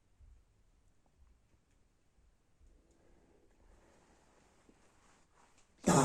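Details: Barking cough at night: several seconds of near silence with faint low thuds, then one loud, harsh cough burst at the end.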